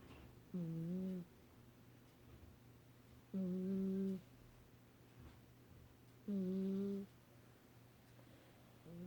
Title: snoring